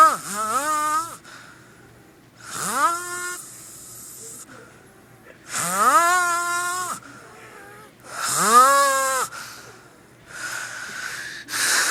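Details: Loud, pitched, groaning snores about every three seconds, each rising then falling, with quieter breaths between, from a man asleep who denies snoring; snoring.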